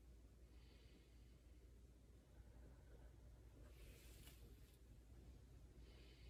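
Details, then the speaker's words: Student nurse auscultating a healthy patient's back with a stethoscope while the patient breathes in through the nose and out through the mouth: bilateral, even breath sounds without crackles or wheezing, normal breath sounds. "breathing was bilateral it was even I didn't hear any crackles or um wheezing so that's a good sign"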